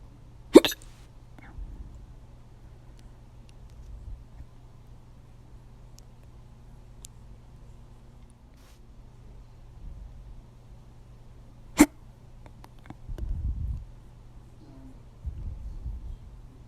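Two sharp, abrupt hiccup sounds about eleven seconds apart over a low steady hum, with faint breathing between them.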